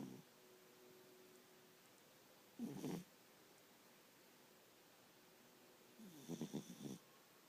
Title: My cat snoring again!